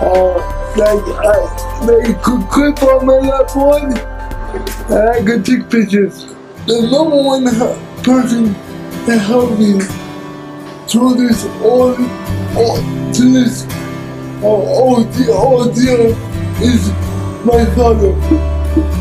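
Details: Adult man with cerebral palsy who uses a wheelchair; broken, garbled words; dysarthria (cerebral palsy).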